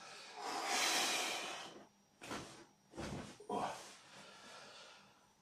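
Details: A long forceful nasal exhalation, then several short sharp nasal snorts in a quiet room, from a person during manual spinal correction with pressure applied on exhalation; snorting.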